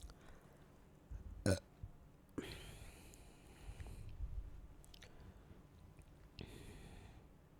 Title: burping while chugging down soda